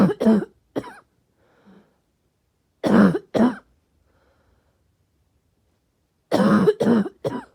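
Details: Barking cough: short clusters of harsh, hoarse, voiced coughs with a barking quality, separated by quiet pauses.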